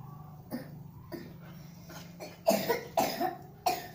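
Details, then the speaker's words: Small child who is sick with a cough, during a traditional massage; the cough is described as ordinary and treated with syrup. Several short coughs, softer at first, then a few louder ones close together, against low room hum. "Biasanya ini kayak batuk kayak biasa nah dimbeni sirup nah mantap."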